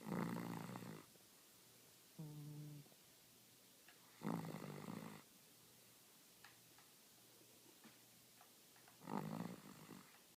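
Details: Cavalier King Charles Spaniel snoring while asleep on the couch, rough rattling snores every few seconds in a quiet room.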